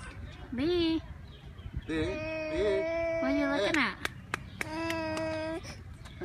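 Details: 8-month-old baby crying: bursts of clear, high-pitched wails rising and falling, separated by short pauses; an ordinary infant cry with some room noise.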